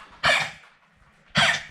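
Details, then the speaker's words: Staffordshire terrier, vaccinated and not tick-bitten, coughing alongside other household dogs; owner suspects a shared virus: two harsh, forceful coughs about a second apart with faint room noise. "в общем скорее всего они подхватили какой-то общий вирус и луна более сильно иммунитетом как оказалось и она просто кашля это"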